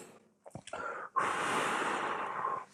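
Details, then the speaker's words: Brief clicks, then a long steady hiss of slow pursed-lip exhalation, demonstrating inhaler technique after about a 10-second slow inhalation of the medicine; pursed-lip exhalation. "So அந்த ஸ்டேஜ்ல என்ன ஆகும் அடுத்து மூச்ச வெளிய விடக்கூடிய சூழ்நிலை வருது சோ இப்போ மூச்ச வெளிய"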